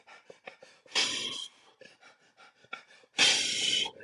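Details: Rapid breathing with prolonged exhalation, imitated by an instructor in an EMT lecture on airway emergencies and presented as an example of Cheyne-Stokes respirations.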